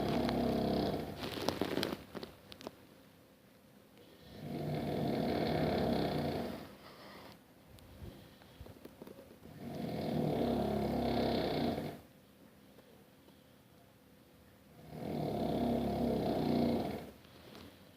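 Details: Adult husband snoring loudly in bed at night, too loud to sleep through even with earplugs: loud, rough, rumbling snores on each breath in, about 11 breaths a minute, with quieter breaths out between; snoring.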